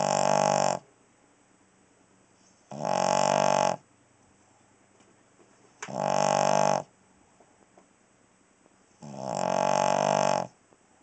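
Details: A Cavalier King Charles Spaniel dog snoring: loud, rough, buzzing snores about a second long, every three seconds or so, roughly 20 a minute.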